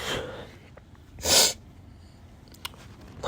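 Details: A single sharp, hissing sneeze burst over room noise, from pollen allergy; allergic rhinitis sneeze.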